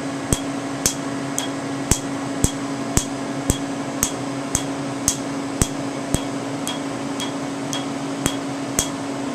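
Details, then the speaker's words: Sharp, regular snaps about twice a second over a steady hum: Candela TriVantage Q-switched alexandrite laser, 3 mm spot, on a man's tattoo. The snap is loud over untreated ink and quieter over already-treated areas. "listen to the snap and the areas that have not been treated yet today and then you'll notice as if I try to go over an area that's been treated you don't hear the snap as much because the laser beam has already been absorbed into those tissues"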